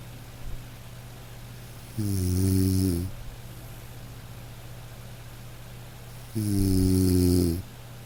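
Two smooth, droning snores about four seconds apart from a sleeping dog, with light rain in the background; ordinary sleep snoring.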